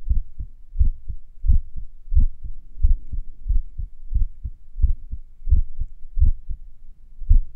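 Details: Low heartbeats at roughly 85 a minute with slightly uneven gaps and pauses, recorded a few minutes after morning exercises: sinus arrhythmia during recovery.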